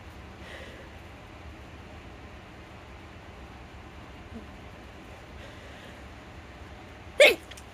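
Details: Woman with a stuffy cold: quiet room, then a single sharp, explosive sneeze near the end; sneezing.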